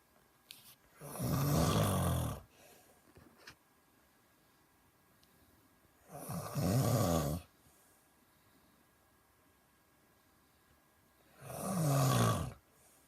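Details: Deep, rattling snores on the in-breath, about 12 a minute, in a quiet room, loud enough to keep a listener awake; regular snoring.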